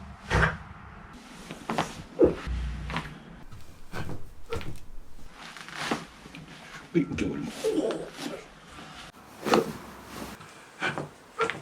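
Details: Chiropractic neck and back adjustments by a chiropractor, compilation: several sharp cracking pops among thuds and handling noise in a small room, from joint cavitation during spinal manipulation.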